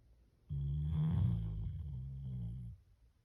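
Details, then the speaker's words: Single low, humming, rumbling snore lasting about two seconds in a quiet room from a sleepy pet dog indoors; dog snoring. "My dog snores. It's been 2 days since he's been inside the house."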